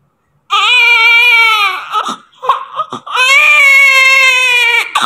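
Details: Newborn baby immediately after delivery: loud, high-pitched crying in two long wails with a short gasping pause between them; a strong newborn cry.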